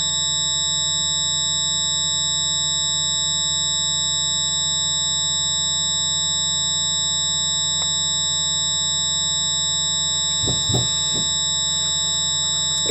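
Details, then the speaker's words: Tinnitus simulation approximating what one sufferer hears: constant high-pitched ringing tones over a steady hiss, unchanging throughout, a relentless sound only the sufferer can hear. "I've approximated What I Hear into this video's soundtrack to give you an idea why tontis is a Relentless sound that only the sufferer can hear"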